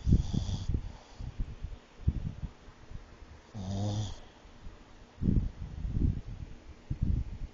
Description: Stewie The Snoring Pug...with sleep apnea.